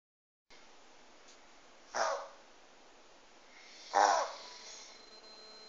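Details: Pug reverse sneezing: two loud, harsh snorting bursts about two seconds apart.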